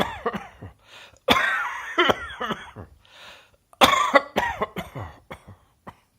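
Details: Repeated harsh coughing in two short bouts, each with several forceful coughs in quick succession.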